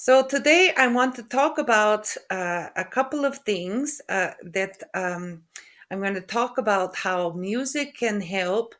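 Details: Aphasia after a stroke in a woman who also has functional neurological disorder, with halting speech, hesitations between words, word-finding difficulty (anomia) and stuttering; finding: aphasia.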